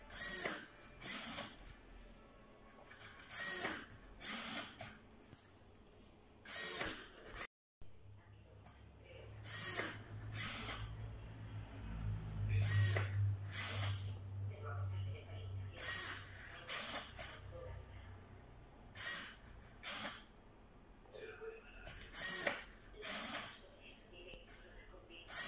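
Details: Prototype low-cost, open-source ventilator for COVID-19 patients: rhythmic mechanical hissing and clicking bursts about 19 cycles a minute; mechanical ventilator cycling.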